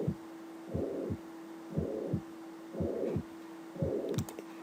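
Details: Mitral regurgitation murmur.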